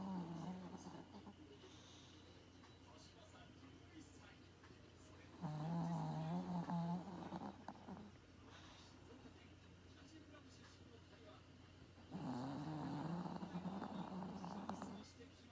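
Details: Maltese puppy snoring like an old man: two loud, drawn-out snores with a low rumbling tone separated by quiet breathing, deep, coarse snoring from a small sleeping dog.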